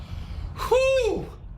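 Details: Acted, simulated sneeze in a television promo: a drawn-out, voiced gasping inhale, like the wind-up before a sneeze.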